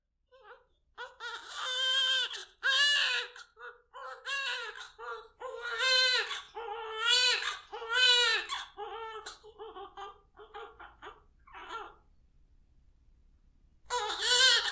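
A newborn cries in repeated high-pitched wails and short whimpers, with brief breath pauses between bursts.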